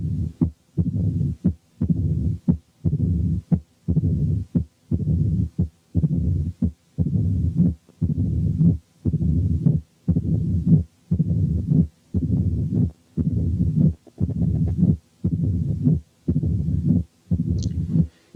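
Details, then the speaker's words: Mitral stenosis: supine, loud accentuated first sound only; as patient slowly turns onto left side, opening snap, then low rumbling mid-diastolic murmur, then presystolic accentuation appear; regular heartbeat near 58 a minute. "أولا والمريض نايم على ظهره هنسمع الساوندز بس والفيرست ساوند اكسنتويتد، وأثناء ما هو بيلف ببطء شديد عشان ينام على الجنب الشمال هتظهر الأوبننج سناب ثم الميد دايستوليك مامر ثم البري سيستوليك اكسنتويشن."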